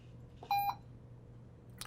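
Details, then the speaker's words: In the setup menu of a Puritan Bennett 560 ventilator, the alarm tone at its louder setting: a single short electronic beep in a quiet room. "Below that is the alarm tone. So there are two different sounds in terms of decibel levels that you can choose from. There is a softer one called a compliant one, which is complying with some of the standards. Or I can change that one, and I can make it a louder sound."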